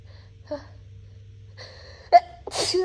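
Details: A sneeze induced with a cotton swab after the nose burned from cleaning products (possibly Clorox): quiet intake sounds build to one loud, sharp sneeze burst, followed by a noisy breath.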